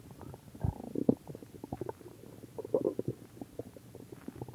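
Irregular gurgling and bubbling rumbles from the belly, typical stomach growling, a normal gut sound.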